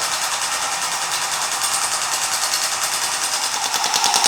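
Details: Shockwave therapy on the hand of an adult male climber, carpenter and woodworker with forearm and hand pain, with possible median-nerve carpal tunnel involvement; the tender area is uncomfortable but not painful. Rapid, loud rattling taps at about three per second from the device.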